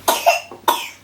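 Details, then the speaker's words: Sick infant boy, coughing and crying at night, cough returned after a course of antibiotics: three short, moist-sounding coughs in quick succession, a chesty cough. "can hear the cough now. Yeah, we'll sort you out, we'll get you the doctors."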